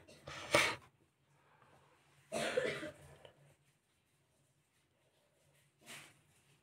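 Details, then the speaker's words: Coughing from a woman with COVID, heard in the background of a make-up session. "Alors là, celle que vous entendez tousser, c'est ma pépette, c'est ma Covidée à moi."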